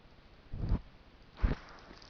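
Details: Buck on a trail camera having a sneezing fit: two short, forceful nasal bursts about a second apart over a quiet outdoor background; sneezing.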